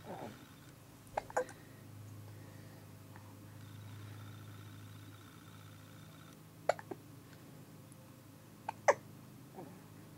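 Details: Hiccups in a person who always has the hiccups: brief, sharp hiccup sounds recurring at irregular intervals against a steady room hum.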